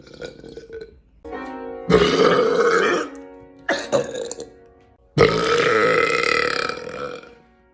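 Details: A person doing a sequence of voluntary burps: a run of loud, drawn-out burps, some lasting over a second, over background music.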